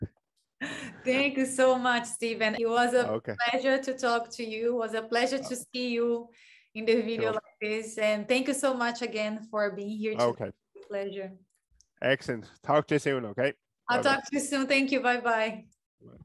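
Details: Adult woman speaking; typical speech.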